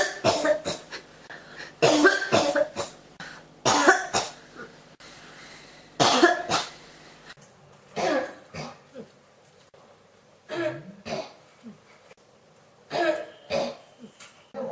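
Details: Persistent cough that won't stop: repeated harsh cough bursts, often in quick clusters, continuing throughout with brief pauses between fits.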